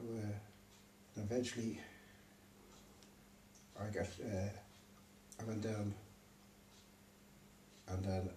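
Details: Man with aphasia after a stroke, left unable to read or write; aphasia.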